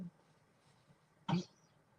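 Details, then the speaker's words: Cough from someone, heard in the background. "does that's coughing if you can hear a coughing does for me okay"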